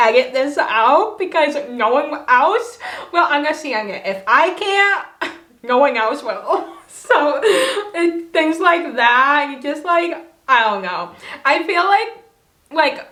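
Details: Dysarthria from cerebral palsy in an adult woman who has long-standing difficulty pronouncing words, is sometimes not understood by family and new people, and had years of speech therapy growing up.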